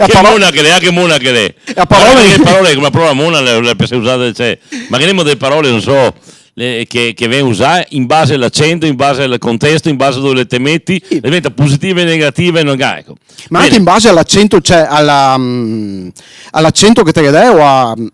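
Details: Adult speaker; normal voice.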